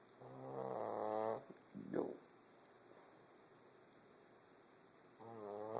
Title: Snoring Soap! LOL!